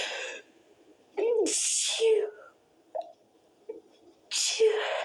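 Short held-back sneezes with a sharp hissing burst of air, a quick inward breath before one, and small muffled sounds between.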